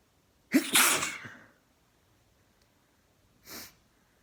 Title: First time chhinkni sneezes + nose blow